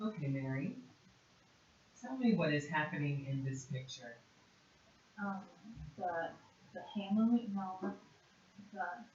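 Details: Adult clinician speaking; typical speech.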